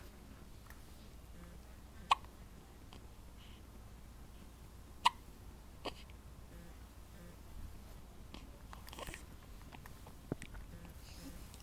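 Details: Soft, sharp little catches at irregular intervals, about five in twelve seconds, in a quiet room: hiccups in a 9-day-old newborn baby.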